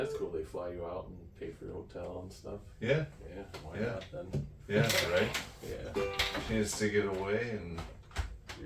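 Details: Adult conversation; typical speech.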